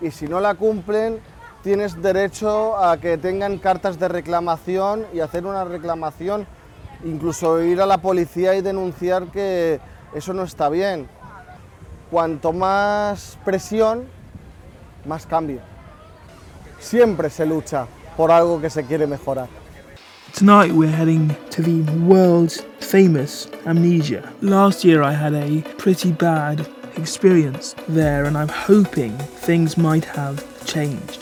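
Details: Adult man, wheelchair user, with cerebral palsy affecting his movement and speech: dysarthria (cerebral palsy)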